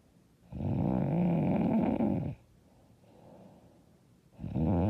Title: I SNORE SO LOUD AND HARD